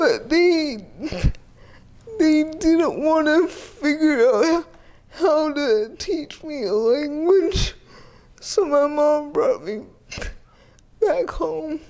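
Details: Dysarthria in a 30-year-old woman with GMFCS Level 4 cerebral palsy, quadriplegia with an athetoid component, uses a power wheelchair; speech may be hard to understand.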